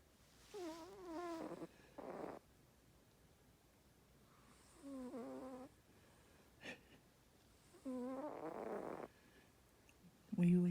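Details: Sleeping cat at nap time, described as very tired: repeated soft, tonal, wavering snores with quiet pauses between. Snoring.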